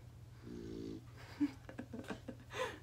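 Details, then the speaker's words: Snoring from a napping pet named Turbo, heard in the background during filming. "if you hear him snoring in the background that's turbo he decided that this was nap time while I filmed and he's a snore so you hear that that's turbo"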